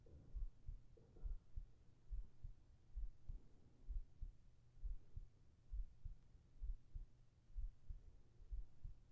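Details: ASMR heart sounds for sleeping, recorded with a whispered voice: steady, soft low thumps at about 66 beats a minute with a faint hum underneath, a regular normal heartbeat.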